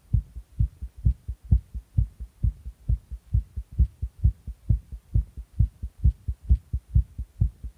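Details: Tachycardia after taking stimulants: fast, regular heartbeat about 133 beats a minute.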